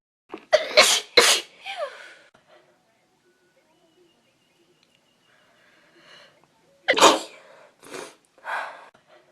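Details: A person allergic to dust, sneezing in a dusty room (possibly a cold, she wonders): two bursts of sharp sneezes, a pair then a single, each followed by short breathy after-sounds.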